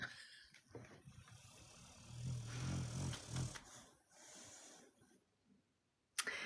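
A sleeping dog gives low, rumbling snores in the middle of the clip against quiet room noise: ordinary snoring.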